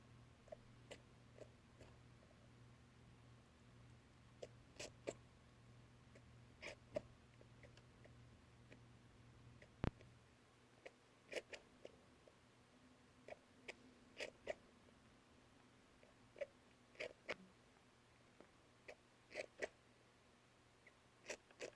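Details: Pet rat sneezing or coughing repeatedly: frequent tiny, sharp sneezes in quick succession. The episodes come and go despite dust-free bedding, and the cause is unknown.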